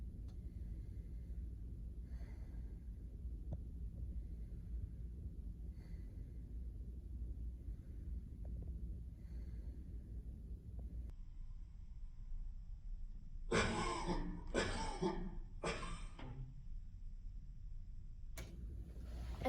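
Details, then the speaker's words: Acted demonstration of an assisted cough for a spinal cord injury client lying on their back, hands placed butterfly-style under the rib cage over the stomach: three deep, loud breaths, then one short forced cough on the fourth. "okay so on the fourth one you're going to want to cough okay okay go"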